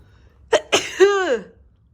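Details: Single sneeze that a Golden Retriever dog reacts to: a quick intake, then a sharp explosive burst trailing into a falling voiced tail.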